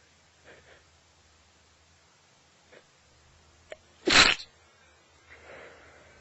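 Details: Adult with a cold, nose fully blocked on waking, sneezing in bed; stifling is not deliberate but from congestion: a small stifled intake, then one loud, wet, partly held-back sneeze.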